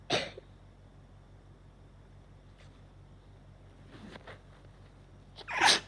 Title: I got a cold and now I’m sneezing 🤧